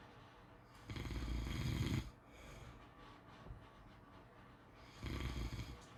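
Two rough, rumbling inhaled snores about three seconds apart with quieter breathing between; ordinary sleep snoring.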